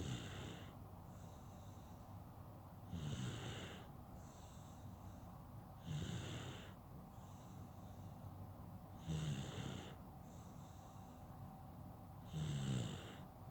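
Soft, regular snoring breaths about every three seconds, roughly 19 a minute, each with a low rattle on the in-breath.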